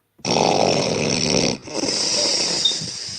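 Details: Sleeping woman: one long, harsh, loud snore on the in-breath with a rasping, snorting quality; heavy snoring.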